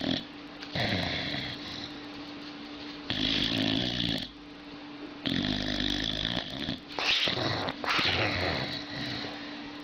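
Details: Loud, rough, vibrating snores from a sleeping dog, long rattling bursts over a steady background hum.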